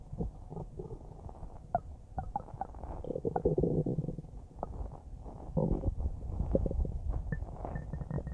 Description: I made this video about a minute after finishing a huge bowl of spaghetti, it tasted pretty good and it made some pretty nice noises as it churned around in my stomach, it's still making small gentle gurgles